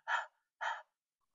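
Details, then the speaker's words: Demonstration of a huff cough for clearing secretions, seated upright with hands on knees after a breath in: two short, breathy, open-glottis forced exhalations without a cough's sharp onset. "So if you can put your hands on your knees, take your breath in, and then you would huff like that, so that you're not coughing, you're just moving air in a faster motion without closing down the glottis."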